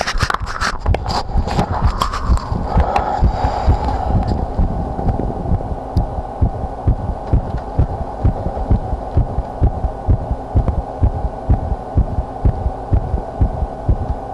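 Regular thumping heartbeat at about 128 a minute under a steady hum, with rustling noise at the start.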